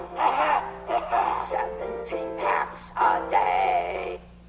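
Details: Adult singing voice with musical accompaniment; Reinke's edema voice.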